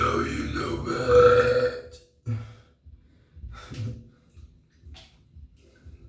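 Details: Deliberately performed burping: one long, rumbling belch, then quieter low grunting sounds in a small room; burping.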